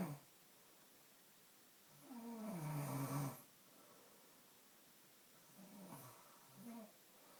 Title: i think this is rea snoring